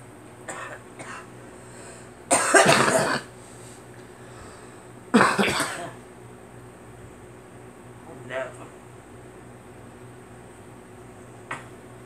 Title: Girl coughing